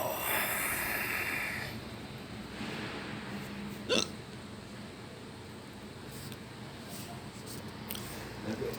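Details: One sharp, abrupt catch of breath against steady room noise; a single hiccup.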